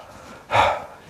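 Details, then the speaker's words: Infant with bronchiolitis during chest physiotherapy: assisted expiration with a synchronised push moves bronchial secretions, heard rising like a frog in the throat. Airway secretions heard on assisted expiration. "va permettre d'entendre la sécrétion qui a dans ses bronches qui va bouger il la faire progresser comme vous quand vous avez un chat dans la gorge"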